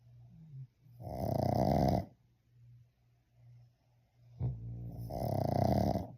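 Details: Snoring in a sleeping pug with eyes open, ending in a snore that wakes it: two loud, rattling snores about four seconds apart, quieter breaths between.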